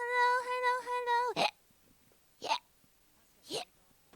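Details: VTuber hiccups: a brief sung or voiced tone, then three sharp, abrupt gasping hics about a second apart.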